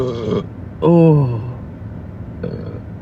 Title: Blue collar boy burps TikTok live pt. 1